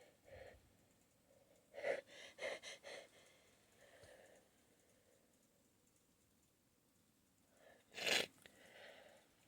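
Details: Gasping before a suppressed sneeze, held back because of a nose tickle: quick gasping in-breaths building up, then a stifled, held-back sneeze burst.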